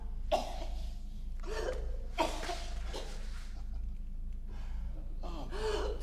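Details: Simulated coughing performed by an actress.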